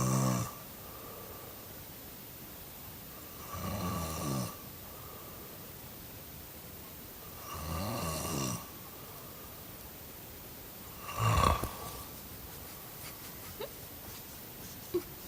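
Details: Person snoring: rough, rattling snores about every four seconds, around 16 a minute, over a low steady hum.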